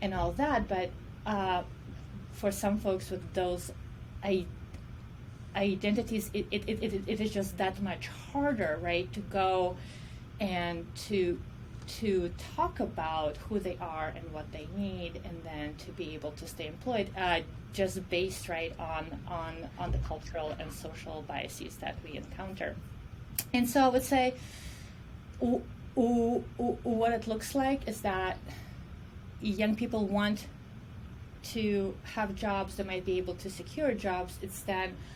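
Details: Adult woman who says she stutters and considers stuttering her disability; stuttering.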